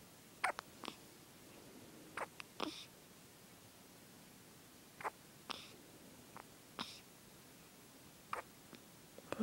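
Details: Hiccups: brief, abrupt catch-like sounds recurring every second or two over a steady background hiss.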